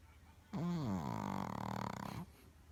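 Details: Shih Tzu dog sleeping, breathing and snoring.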